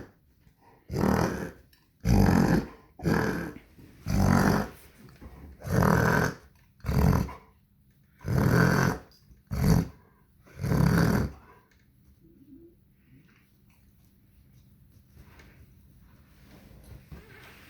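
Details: Dog named Bronx gives about nine harsh, honking, snort-like coughing bursts in ten seconds; owner suspects kennel cough and is calling the vet, feeling something isn't right.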